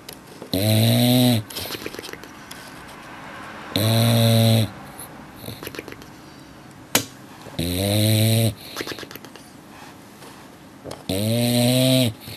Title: Funny sleepy dog makes crazy noise